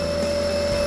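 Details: Omron compressor nebulizer with saline, no Ventolin, treating a child with cough and cold to loosen phlegm while the child breathes deeply: steady loud mechanical hum with constant tone; compressor nebulizer running.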